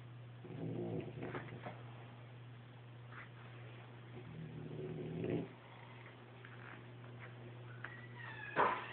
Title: Gladston sleeping upside down...and snoring